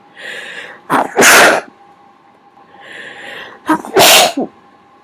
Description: More induced sneezes, this time trying to make them a little quieter by covering them with my hands.